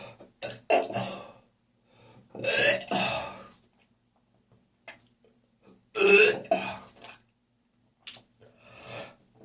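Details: Heavy morning productive cough in autumn: several harsh, wet coughing bursts and throat clearing with gagging and spitting, quiet gaps between.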